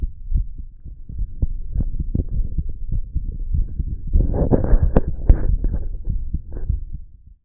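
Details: Person's own relaxed heartbeat: repeated heartbeats, somewhat uneven, with rubbing and rustling noise partway through.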